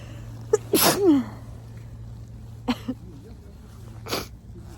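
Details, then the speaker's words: Sharp intake then explosive sneeze, smaller sneezy bursts and nose blowing while birdwatching outdoors in public, with a steady outdoor hum behind; sneeze. "So bird watching sneezing. It is. Ow. It's almost unbearable to let myself sneeze in public like that."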